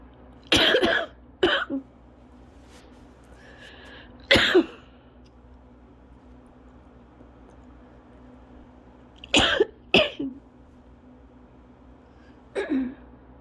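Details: Cough-variant asthma attack: repeated dry, harsh coughs in short runs, about eight over thirteen seconds, described as prolonged straight coughing.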